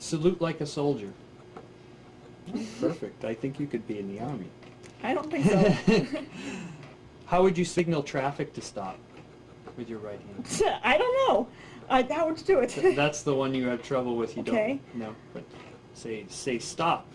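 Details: Adult patient and examiner; callosal apraxia and aphasia examination.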